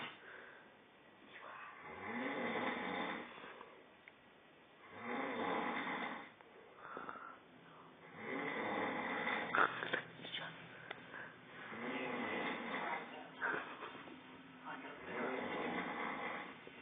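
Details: Loud rasping snores on each breath in from a sleeping man (the recorder's father), about four breaths a minute with long pauses between, and a faint voice in the room; snoring.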